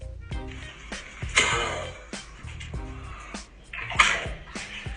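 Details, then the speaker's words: Dog with kennel cough: harsh, hoarse, honking barking cough bursts over background music. "hoarse, barking cough, often it's accompanied by hacking up of white foam."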